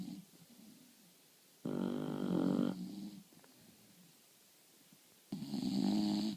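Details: Two sleeping English bulldogs snoring: loud rattling snores in long drawn breaths with quiet gaps between them.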